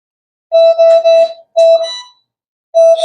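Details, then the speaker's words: Drager Fabius MRI anesthesia machine with its flow sensor out of calibration: repeated loud steady beeps in short bursts, with apnea and low-flow alarms and an auto sensor fail, volume too low error. "a guysang yun yan so apneya alarm so okay lang yan apne flow low flow natin"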